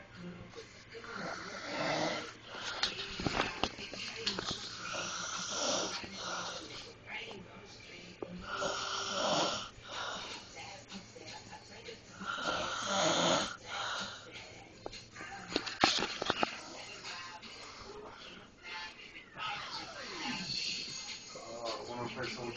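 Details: An adult man asleep, snoring loudly and roughly in recurring bursts with some background noise.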